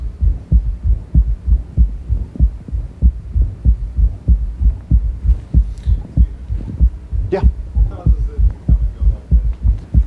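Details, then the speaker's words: Third heart sound with a systolic murmur that fades away and comes back, heard at the axilla over his displaced apex, where a very dilated chamber has shifted the apical impulse; low-frequency sounds near 30–40 Hz, at the limit of hearing. "these low frequency sounds actually carry a lot of energy but it's the the frequency of a third and most fourth heart sounds is around thirty to forty Hertz that's the limits of human hearing"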